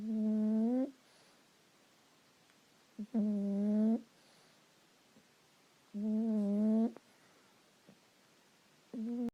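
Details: Boston Terrier sleeping: regular whistling, humming snores about every three seconds, roughly 20 a minute, quiet room between them.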